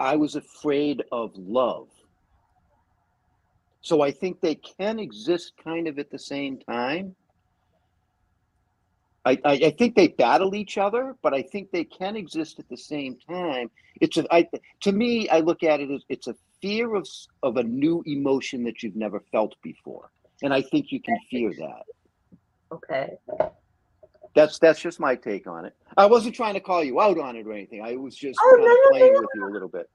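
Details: Adult speaker; ordinary conversational speech.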